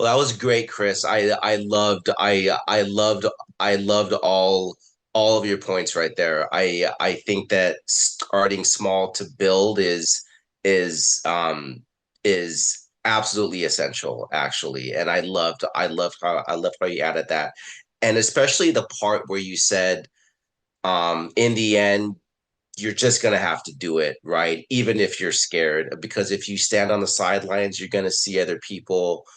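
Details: Adult man, a person who stutters, with repeated words and phrases; stuttering.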